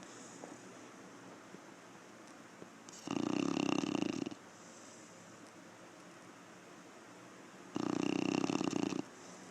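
Two loud, rough, rumbling snores about four seconds apart over quiet room noise, a dog snoring in sleep.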